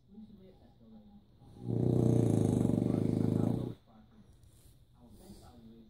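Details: French Bulldog snoring: one loud, rattling, pig-like snore about two seconds long with quiet breathing before and after.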